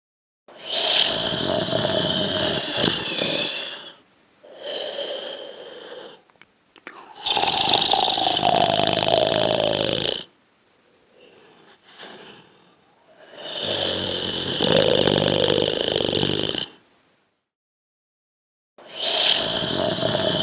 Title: Snore Sound Effect